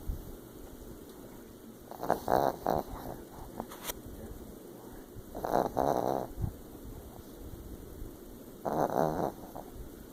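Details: Chihuahua snoring and twitching in his sleep: irregular snorting snores about every three seconds over a steady background hiss.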